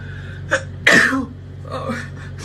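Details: A female patient with a nasal feeding tube sneezes after re-inserting the tube, which had slipped out a couple of inches: a short catch of breath, then one forceful, explosive sneeze.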